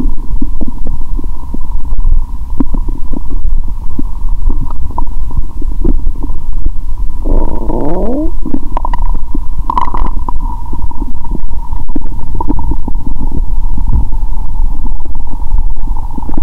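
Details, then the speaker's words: Adult's own abdomen through a stethoscope after eating many Mentos with cola; she feels her belly swelling, then painful and distended: steady low rumbling with gurgles and a brief bubbling sweep; active bowel sounds. "Tôi đã ăn rất nhiều Mentos, vì vậy tôi có thể nghe thấy tiếng bong bóng trong dạ dày của tôi! !! .. Tôi nghĩ bụng tôi ngày càng sưng lên 😵 😂 !."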